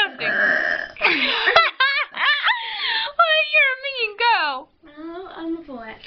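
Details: Child deliberately burping by trapping air in the throat: a run of long, voiced, gurgling belches with giggling around them; repeated burping.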